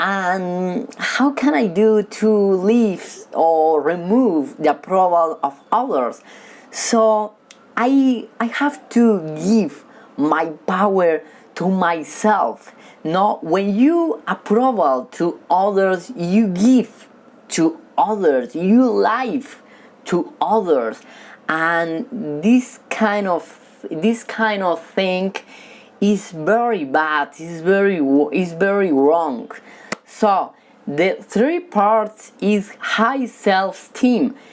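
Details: Man who has stuttered since childhood and says he stutters when talking with people but reads fluently alone; stuttering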